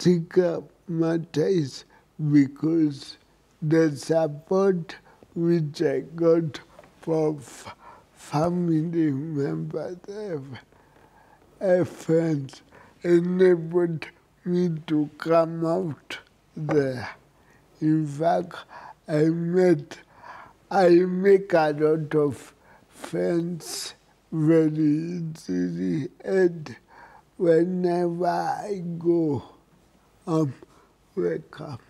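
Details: Adult man with cerebral palsy, apparently 39 and turning 40 in December per a fragmentary transcript; a doctor notes cerebral palsy can affect speech; dysarthria in cerebral palsy.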